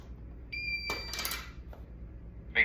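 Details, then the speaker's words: Steady electronic beep, then clicks and handling noise as an AED powers on after its pull handle is pulled, in a training demonstration on removing clothing and applying pads; AED start-up alert tone. "So once they are exposed, you're going to pull where it says pull. And it's going to start talking."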